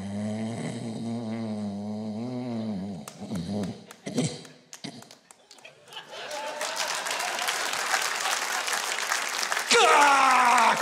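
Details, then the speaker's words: Comedian's simulated imitation of obstructive sleep apnea: a loud voiced snore, then choking snorts and gasps, followed by audience applause. "If you know somebody that sleeps like that, you better get them a CPAP machine or it won't be long until their time is up."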